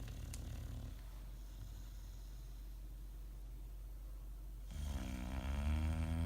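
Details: Sleeping bulldogs snoring: low rumbling breathing noise, then a louder rattling snore near the end, with faint room noise.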